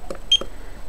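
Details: A single short, high electronic beep with faint clicks around it as a fingertip pulse oximeter switches on, on the right index finger of a user with a mild cold; the reading was 98% oxygen saturation.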